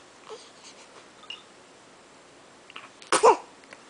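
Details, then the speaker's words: About one-week-old baby boy shown a toy: quiet small vocal sounds, then one sharp, explosive infant sneeze, perhaps shaking off dust. "that's you sneezing baby shaking dust off maybe"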